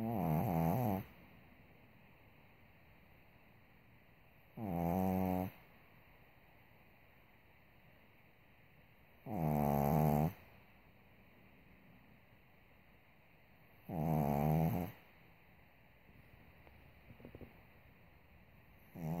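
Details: Loud, rattling snores about 13 a minute with quiet gaps between, from a sleeping pug who had soft palate surgery and nostril widening and snores only at times; snoring from a brachycephalic airway.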